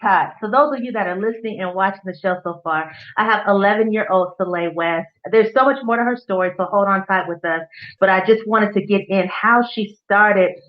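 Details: Adult woman speaking; normal speech.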